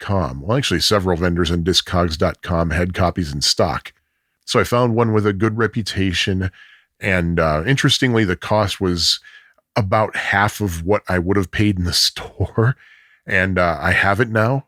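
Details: Adult male speaker; normal speech.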